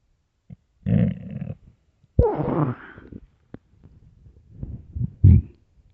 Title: starving stomach growling and rumbling part 1